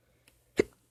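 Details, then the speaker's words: An adult's single sharp, abrupt hiccup, a brief voiced gulp against a quiet background, during a gameplay recording; the speaker has an ongoing bout of hiccups. "oh man I hate the hiccups I was hoping for a good recording and then I get the hiccups"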